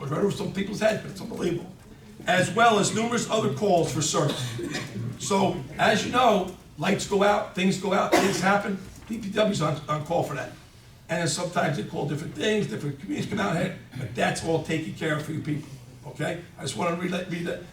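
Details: Adult speaker in a meeting room; Normal voice.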